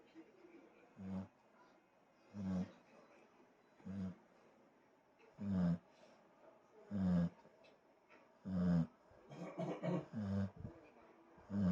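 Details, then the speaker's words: Dog sleeping deeply after lunch in air-conditioned room: loud, regular low snores, about eight in ten seconds, with quiet pauses between, growing louder; snoring. "※ムーちゃん爆睡中※いびきをかいて寝ています🤭"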